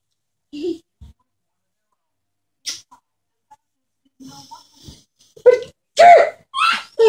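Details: A father's sharp, explosive sneezes in a quiet room, followed by his toddler daughter's high-pitched laughter.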